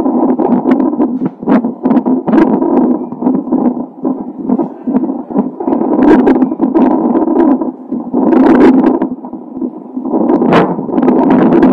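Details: Fetal heart tones recorded by Doppler a few hours before birth in a baby with Down syndrome: fast whooshing pulses with crackling movement noise.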